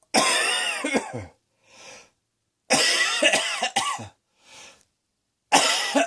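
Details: Deliberate acted coughing: three loud, harsh cough bursts, each followed by a quieter breath in, repeating about every three seconds; cough.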